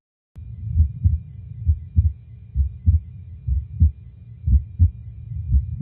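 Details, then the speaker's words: Normal heart sounds: regular low lub-dub heartbeats at about 60 a minute. Lub is the heart squeezing blood out to the body; dub is the heart relaxing as blood refills it. "Now your heart makes two sounds. The first sound is called lub, and that's when your heart squeezes and blood is being pushed from your heart to the rest of your body."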